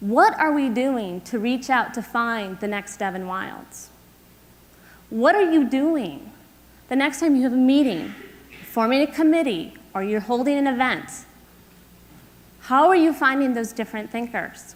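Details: Adult woman speaking; ordinary speech.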